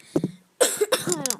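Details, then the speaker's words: Person who woke up coughing and could not stop that day: a couple of short coughs, then a few more run together, a bad cough. "Sorry, I have a bad cough today."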